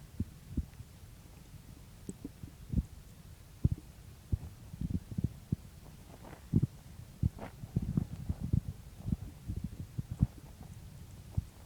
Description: In this video, pretty much what the title says, I woke up and my stomach was noisy so I started recording it.